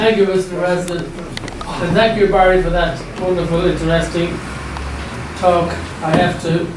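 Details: Adult man speaking in a room; normal speech.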